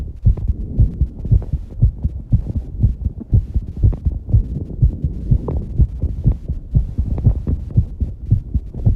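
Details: A person's fast heartbeat after exercising, with heavy breathing: rapid, regular low heart thumps at about 120 beats a minute, a normal fast heartbeat after exercise.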